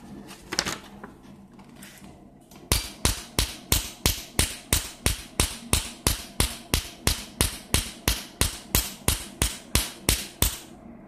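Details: Portable Q-switched Nd:YAG tattoo removal laser, model LS-Y8, fired by foot pedal: sharp, regular snapping pulses, about 90 a minute, after a few seconds of quiet room noise.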